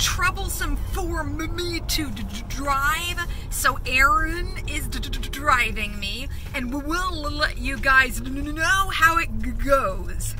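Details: Woman in the first days after sudden-onset stroke-like aphasia attributed to psychological trauma and stress, with word-finding trouble, confusion, memory loss, vision trouble and poor coordination; stuttering with aphasia.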